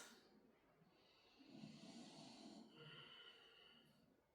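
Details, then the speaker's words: Soft snoring breaths with a rough, slightly whistling quality from a sleeping dog heard during a yoga class; snoring. "So again, I promise if you can hear snoring throughout these shapes, it is not me."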